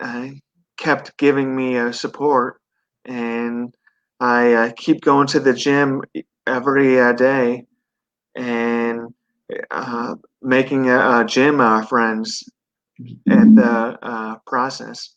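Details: 42-year-old man with a stroke at 17 from an artery rupture during benign brain tumor surgery, followed by induced coma, global aphasia and right-sided paralysis; relearned speech; residual aphasia with word-finding difficulty, hesitations and repetitions.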